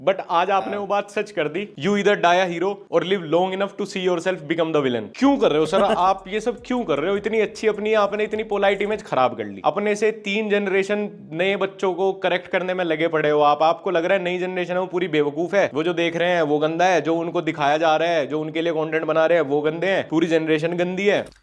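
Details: Adult male speaker; typical speech.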